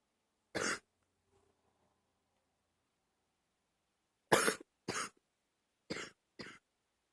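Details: Wet, chesty productive cough: one single cough then a close run of four, loose and phlegmy.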